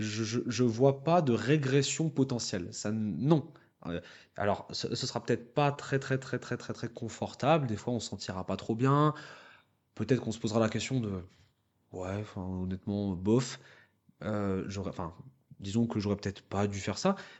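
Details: Adult who stutters, speaking French about a public-speaking contest for people who stutter; stuttering with mild repetition such as "la la".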